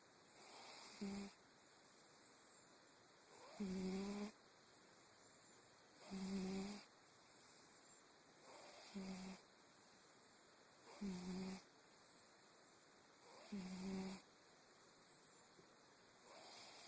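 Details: A cat snoring: regular soft snores, about seven in 17 seconds, roughly 23 breaths a minute, each a short buzzing rasp on the in-breath.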